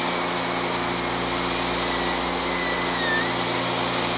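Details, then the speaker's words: Stainless steel crown preparation on a five-year-old boy's carious mandibular primary molar, about 1 mm occlusal reduction: steady high-pitched high-speed dental drill whine with slight pitch dips as it cuts, over low hum. "now i'm going to make make some of the occlusal reduction which will be approximately one millimeter reduction is it bothering you a little bit"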